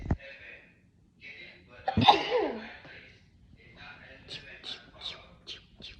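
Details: A sharp sneeze burst after a brief intake, followed by quieter breathy sounds: a single sneeze.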